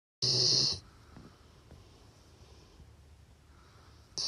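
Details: Sleeping Labrador dog gives a brief loud, hissing snore with a low rumble, then quiet, with the next snore starting about four seconds later; snoring.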